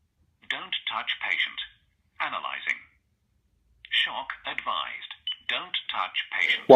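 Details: Voice prompts from a Zoll AED Pro defibrillator in a training demonstration, after the unit is switched on and pads are attached to the patient; AED voice prompts.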